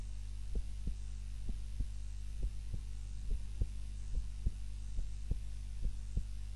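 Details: Own heartbeat recorded by timer while napping, lying on the back (supine) rather than the usual prone position: steady, regular low thumps about 70 a minute over a constant low hum; normal resting heart sounds during sleep.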